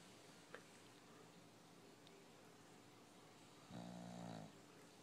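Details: Bulldog snoring while asleep: quiet room, then a single low, rough, buzzing snore on an in-breath; snoring.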